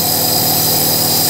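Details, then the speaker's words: Steady mechanical hum and hiss of a compressor nebulizer running during an inhalation treatment for a young boy's cough. "Я слышу шум у него. Шум, да. Он же настоящий, работает."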